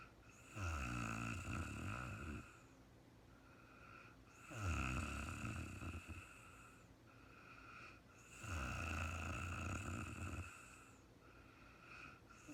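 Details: Real-time recording of a woman snoring during sleep, no talking, very tired and falling asleep: slow, regular rattling snores on each breath in, about 15 a minute, with quiet breathing between; snoring.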